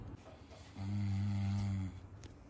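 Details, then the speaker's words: A sleeping person snores in the background: one loud, low, buzzing snore lasting about a second rising out of quiet room noise. "लेकिन आपको पीछे आवाज आ रही होगी। बस दो मिनट का मौन रखिए। खर्राटे लेके सो रहा"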